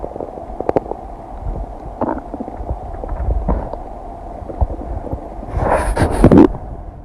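Irregular low gurgles and rumbles with a few louder bubbling bursts; ordinary bowel sounds of digestion.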